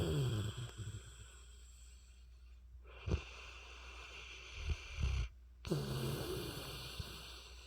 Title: Sleepy Head #mastiff #snoring